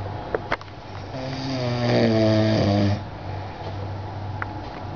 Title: snoring